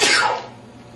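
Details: A single sneeze: one sudden, explosive, hissing burst of air fading within half a second.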